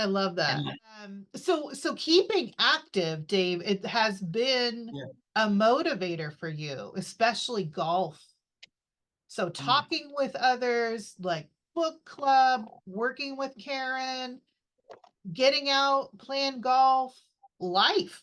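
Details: Adult woman speaking; ordinary fluent speech.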